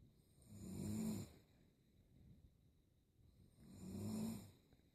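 Two slow, low rattling snores about three seconds apart, with a quiet pause between them: ordinary snoring.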